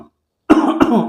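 Two quick, harsh cough bursts from an adult, an imitation of a patient's cough.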